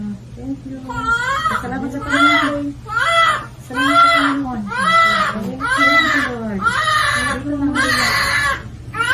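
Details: Newborn baby girl just after delivery, strong rhythmic wails about one a second with a steady room hum; a vigorous healthy cry after birth, said to show strong lungs.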